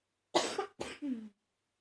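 Two short coughs, the second trailing into a wet, rattly throat sound; a mildly congested cough.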